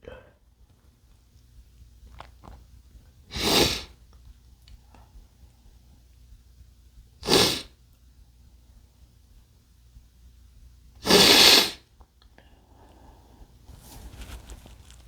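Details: Three sharp, explosive sneezes from a man a few seconds apart in a quiet room, with faint background noise; sneezing.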